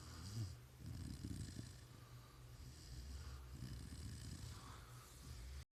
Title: Baby Lola flashback. Snoring pibble puppy 🐶